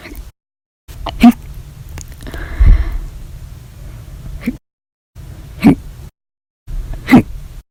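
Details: Violent, loud hiccups lasting 13 hours 20 minutes after eating breakfast, lunch and drinking a cup of soda after dinner: abrupt, loud throaty hiccup bursts at irregular intervals with brief gaps; persistent hiccups, audio only.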